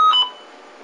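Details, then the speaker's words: Dräger Babylog 8000 plus ventilator being set up with a circuit, HME and patient simulator for respiratory care teaching: a single short electronic beep as the set button is pressed, a normal control tone. "initially what I want to show you is how to set the settings what I've done was just push the set button"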